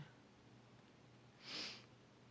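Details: A single brief, hissing nasal snort over quiet room noise, from an adult who reports sneezing with every breath and a toxic stinging feeling in the nose and eyes.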